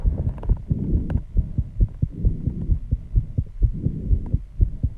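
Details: Heartbeat after intense exercise at 134 bpm, loud enough to hear without the microphone at the start: fast, pounding low thumps with heavy breathing noise behind, a racing heartbeat after exertion.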